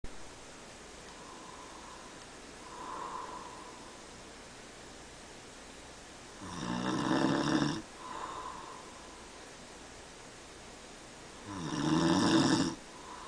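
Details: Adult man, a father, sleeping at night: two loud, rough snores on breathing in, with softer breaths out between, over steady room noise; ordinary sleep snoring.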